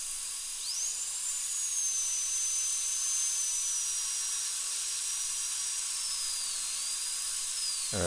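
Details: High-speed dental drill tracing out an old amalgam filling on upper second molar tooth #2, which has decay and a crack, before a porcelain crown, patient numb under rubber dam: steady high-pitched whine with water-spray hiss.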